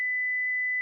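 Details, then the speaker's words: Philips HeartStart FRx automated external defibrillator in a demonstration: after the pads are placed and the rhythm is analysed, a steady pure high beep under a second is the shock-advised alert prompting the user to press the flashing orange shock button. "shock advised stay clear of patient press the flashing orange button now"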